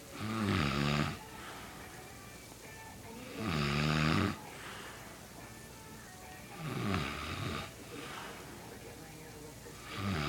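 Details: Passed out asleep in the living room, snoring loudly: rattling inward snores about every three seconds, separated by quiet breathing out, in a quiet room; snoring.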